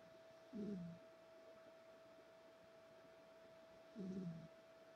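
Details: Snoring from a sleeping pet cat (female).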